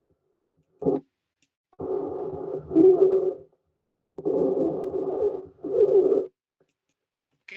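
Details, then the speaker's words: Lung-sound recording played for exam auscultation practice: loud, harsh, high-pitched musical noise on each of several long breaths, with a brief voice at the end, stridor likened to a seal's or dog's sound. "las personas que tienen un perro o un gato, más que todo el perro, porque hace ese ruidito y también por eso se lo asemeja a la foca."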